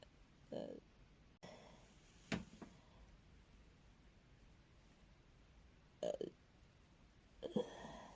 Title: Stomach growl. I have a stomachache.